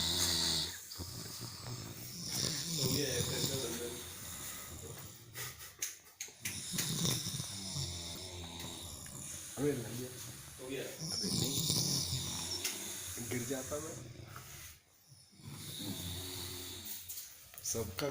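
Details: Several sleepers snoring loudly in rhythm, their snores overlapping, while people in the room talk and laugh.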